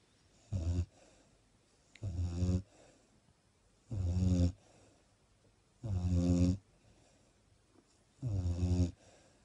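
Five loud, rattling inhaled snores at a regular pace, roughly sixteen breaths a minute, with quiet exhalations between; snoring.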